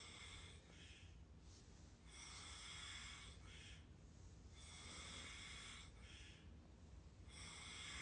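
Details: Person snoring while asleep: repeated harsh, hissing snores with a loud low rumble underneath, coming in uneven bursts.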